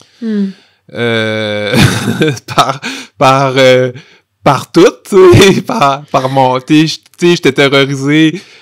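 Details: Adult man who stutters, with stuttering present since childhood and adolescence: stuttering.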